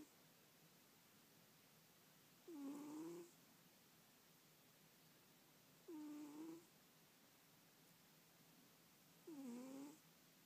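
Three rattling, slightly whistling snores, evenly spaced at about 18 a minute, with quiet between them. Steady snoring during sleep.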